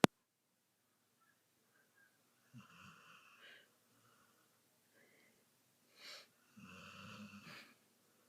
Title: My Dog Snoring. Lol